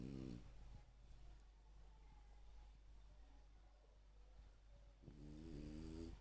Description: having some heavy sleep! Loudly snoring :)